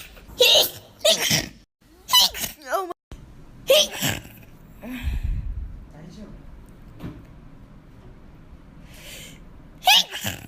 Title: Sneeze Compilation 2017